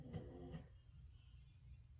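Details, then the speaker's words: Sleeping American Bulldog–pit mix dog with a disability, snoring: two low, rumbling snores in a quiet indoor room, followed by faint background hum. "if you hear the noise around that's my boy chief he's snoring he's an American Bulldog pit mix and he is our big baby"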